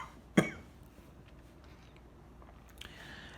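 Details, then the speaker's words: Single sharp, dry hacking adult cough, worsening over several days, with headache and no fever, attributed to COVID; dry cough. "coughing has gotten really bad no fever but it's like every like i'm just permanently coughing now just a really gross hacking dry cough"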